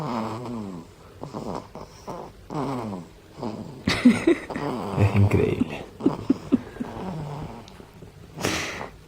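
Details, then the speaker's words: Baby girl snoring while asleep latched at the breast, still sucking as she sleeps: soft rough breathing with rattly snoring noises; ordinary infant snoring. "se queda dormida en la ronca y encima dormir a su paso"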